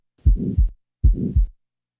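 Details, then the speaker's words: Typical mid-systolic ejection murmur: two heartbeats, each with a crescendo-decrescendo murmur beginning shortly after the first sound, peaking mid-systole and clearly diminishing before a distinct second sound. "listen now to a typical mid systolic murmur note carefully the fact that the murmur diminishes clearly before the second sound"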